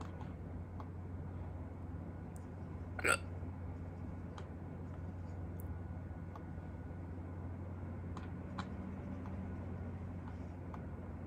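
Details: Self-recorded hiccups after a long time without them: one sharp, brief hiccup against a steady low hum with faint clicks around it.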